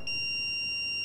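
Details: Steady, high-pitched electronic tone from an AED in adult mode during a CPR training demonstration, sounding after a shock is delivered and before the prompt to resume CPR.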